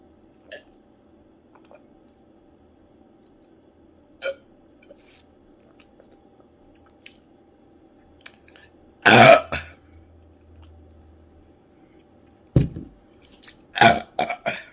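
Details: Quiet room with small mouth noises after eating ghost pepper chips, then a loud drawn-out belch followed by a few shorter bursts; burping.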